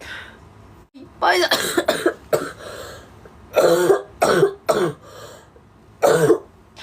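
Repeated short, harsh cough bursts in small clusters, about six coughs with pauses between them.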